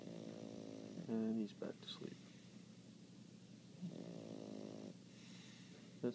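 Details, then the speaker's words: A sleeping one-year-old dog gives loud, droning snores with short snorting sounds between them, in a quiet indoor room: snoring. "Pablo snores louder than me. He's only a year old, and he snores like Uncle Bernie."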